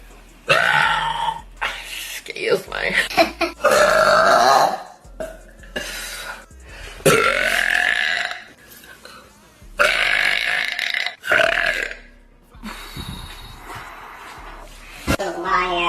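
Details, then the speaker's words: A person who has been gassy all day burping deliberately: a run of long, loud, gurgling belches one after another with brief pauses. "I've been so gassy all day today once I start I can't stop watch"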